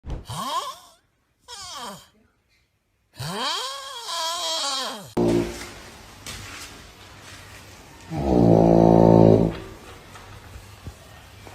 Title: The funniest snoring sounds 😂 #snoringsounds #snoring #memes #tiktok #viral #funny #subscribe